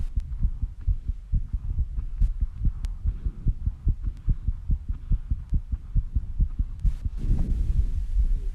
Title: My Very Fast Heartbeat Sounds After Rebreathing and Squats